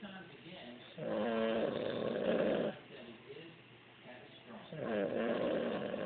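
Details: Man asleep on a couch, snoring like sawing wood: two long, loud, rattling snores on the in-breath with a quieter breath between them. Typical snoring.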